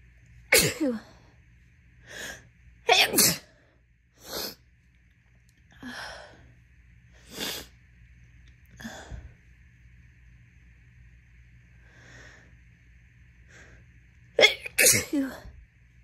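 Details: Person with an intensely itchy nose who induced the sneezes gives a run of about eight sharp, wet, messy sneezes, some in quick doubles, with quiet pauses between them; repeated sneezing.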